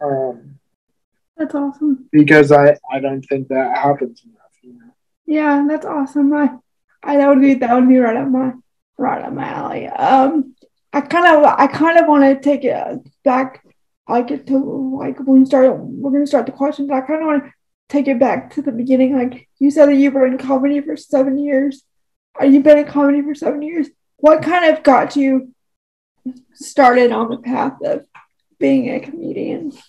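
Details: Woman with cerebral palsy who uses a wheelchair; dysarthria (cerebral palsy).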